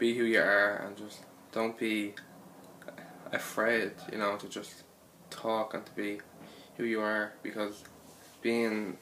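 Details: Stuttering (stammer) in a man describing his own stutter.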